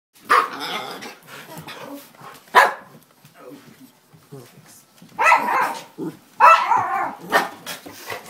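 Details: Dog coughing: about four harsh, forceful bursts with quieter rasping between them.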